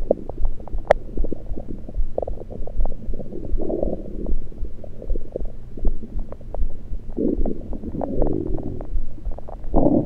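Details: Abdomen recorded with a USB electronic stethoscope, not during digestion, only liquids taken beforehand: frequent low gurgles, bubbling rumbles and short clicks; active bowel sounds.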